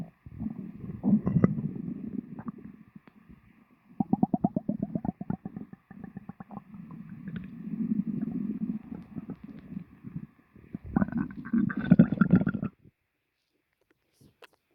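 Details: Person's stomach after lunch, full stomach: long, loud rumbling and gurgling with rapid bubbly pulses; ordinary stomach growling.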